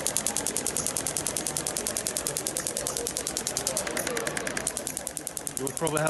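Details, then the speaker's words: Shockwave therapy (ESWT) on an Olympic athlete with a tight thoracic spine: knuckle-shaped applicator fired without gel, energy raised, rapid sharp clicking pulses about three per second, with brief speech near the end. "now we use the knuckle this applicator which is my favorite this can be a bit painful but it should be bearable for you"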